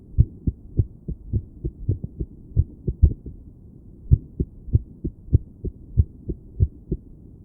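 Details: Woman listening to her own heart with a stethoscope while sitting on her bed, trying to breathe slowly and relax: low, muffled beats, uneven spacing, a noticeable pause midway, then a steadier run, an irregular heartbeat.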